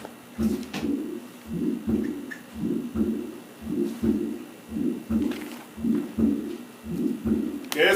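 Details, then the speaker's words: Patient with coarctation of the aorta, bounding collapsing pulses, hypertension and weak femoral pulses: regular heartbeat about 56 a minute with whooshing early systolic ejection flow murmur at the aortic area, with aortic regurgitation. "Tiene un sonido de eyección, un soplo sistólico expulsivo de flujo, es protosistólico y con un sonido de escape."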